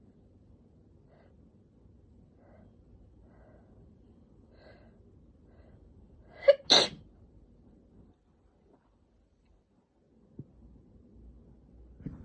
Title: JAPANESE SNEEZES !!